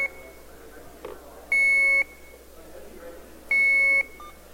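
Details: Two loud, steady half-second electronic beeps two seconds apart over quiet room noise: alarm tones from an Alaris IV infusion pump unit with pump module, demonstrated during a security research talk on the device.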